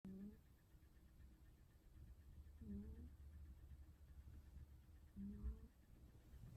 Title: 고양이 코고는 소리 🤦‍♀️ Snoring Cat 🐱